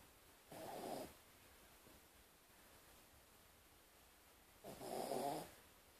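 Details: Two soft, snorting snores about four seconds apart, over quiet room noise; snoring.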